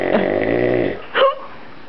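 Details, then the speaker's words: A dog named Sonny snoring loudly while asleep: a loud, buzzing snore on one breath, then a brief snort-like sound; snoring. "where is that sound coming from oh right there oh my God I think it's getting louder"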